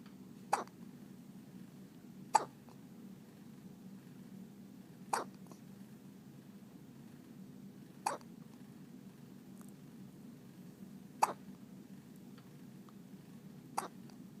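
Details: Six brief sharp hiccups at irregular intervals of about two to three seconds, roughly 25 a minute, over a steady low background hum; little hiccups.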